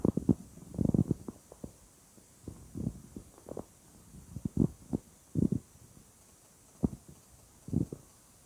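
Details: Weird stomach sounds: frequent low gurgles and bubbling rumbles in irregular bursts; bowel sounds (borborygmi).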